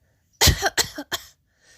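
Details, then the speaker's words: Imitated coughing for an Arabic alphabet lesson illustrating the letter ح (ha), the sound of coughing or clearing the throat: three short, sharp coughs in quick succession. "The sound of coughing or clearing the throat. When we cough, we say ha."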